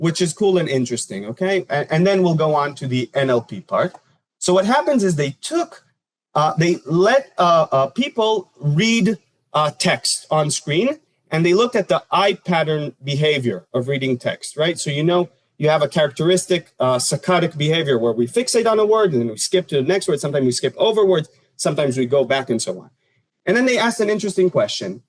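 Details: Adult male speaker; ordinary speech.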